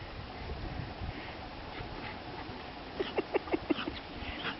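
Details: Dog cough: a new foster puppy outdoors in a yard by a waterfall on a cool, rainy day, still coughing, gives a quick run of about six short, slightly honking coughs over rushing water.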